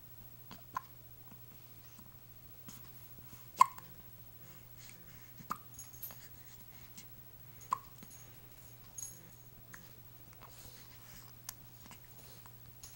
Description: had the hiccups